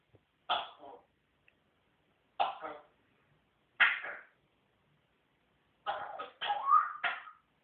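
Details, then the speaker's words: Dog (Cosmo) with a bad cough: about six harsh, hacking coughs, three spaced apart then a quick run of three. "You got a bad cough? Got a bad cough?"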